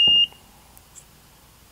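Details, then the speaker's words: Single short, high electronic power-on beep of a Philips FRX automated external defibrillator (AED) switched on in a training demonstration, then quiet before voice prompts. "So from the initial point here where we would deploy it, simply open it up, turn the unit on."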